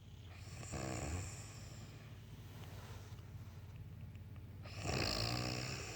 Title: Grandma snoring